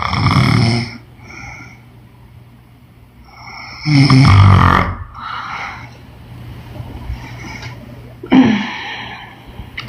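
Loud, rough, low snores with snorting, irregular, about 15 a minute, with quieter breaths between.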